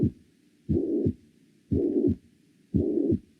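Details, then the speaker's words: Mitral-area systolic regurgitant murmur in a patient with 5 days of fever, a forehead abscess and suspected inflammatory neck adenitis; suspected acute endocarditis from a septic skin process. Regular heartbeat near 58/min with a blowing murmur filling systole; stethoscope placed slightly high. "Es un soplo sistólico de regurgitación. Hagan de cuenta que este es el foco mitral, un poco más abajo, y esto con la fiebre de 5 días es una endocarditis aguda, vinculado al proceso séptico cutáneo."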